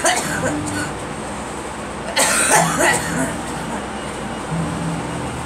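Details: Girl coughing: a short burst of two or three coughs from a child over steady rumbling train noise and background talk.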